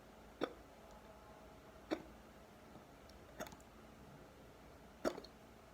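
Four abrupt, deep hiccups at irregular intervals, about 40 a minute, in a quiet room.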